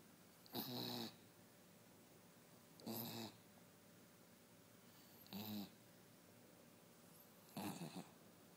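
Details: Sophie, a West Highland White Terrier, snoring while asleep: four short rattling snores at about 26 a minute separated by quiet; snoring.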